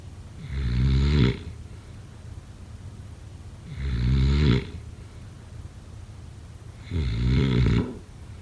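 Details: Loud snoring: three deep, rattling snores at a regular rhythm of about 18 breaths a minute, with quiet pauses between.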